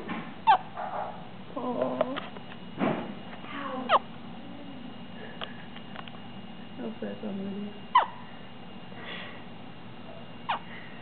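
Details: Six-day-old baby boy with hiccups: sudden short hiccup sounds every few seconds among soft infant grunts and squeaks.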